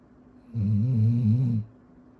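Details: Snoring during sleep: a single low, droning, slightly wavering breath sound lasting about a second, in a quiet room.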